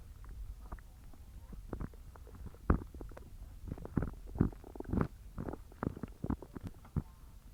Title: Evening stomach growling sounds